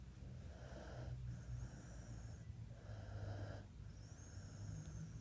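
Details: Snoring while asleep with eyes open: low, rough snoring breaths with a faint whistling edge over steady low room noise.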